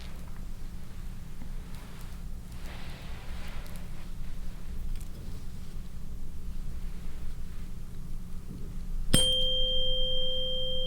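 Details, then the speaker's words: Room noise, then a struck tuning fork rings with a steady pure tone, placed on the mastoid process during a Rinne hearing test in an ASMR head-to-toe assessment roleplay on a real person; tuning fork tone. "so i'm gonna be placing the tuning fork on your mastoid process and then let me know once you stop hearing the sound and then i'm gonna be moving it closer to your ear and then again let me know when you stop hearing it"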